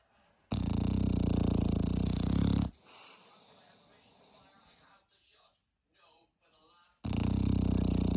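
Two loud, rough, buzzing breath sounds with quieter breathing between: a dog snoring in sleep.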